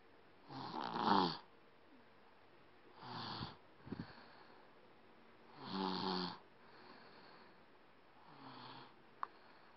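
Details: 7-year-old child snoring: irregular snoring breaths, about 12 a minute, some louder and rougher than others, in a quiet room.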